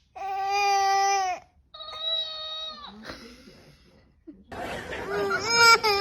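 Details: Loud, tonal crying from a baby, in long wailing bursts separated by catching breaths.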